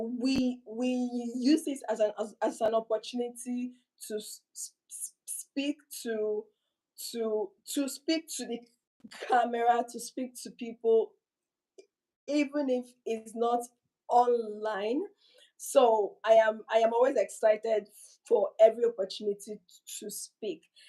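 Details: Inherited stuttering in a woman whose mother also stuttered; word repetitions heard.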